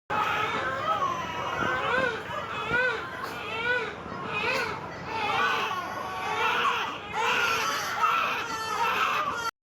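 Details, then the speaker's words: Repeated high, rising-and-falling wails of a human newborn just born: ordinary newborn cry. "この世に誕生したばかりの命の泣き声です。そして、生まれたばかりの子猫もまさに同じことをします。"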